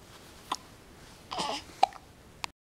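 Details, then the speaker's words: A 6-week-old baby with hiccups: about three abrupt, short hiccup sounds with a brief breathy vocal sound between them, in a quiet room. The hiccups interrupt the baby's smiling. "What you got to say? Oh, you got the hiccups. Sorry? That's not fun."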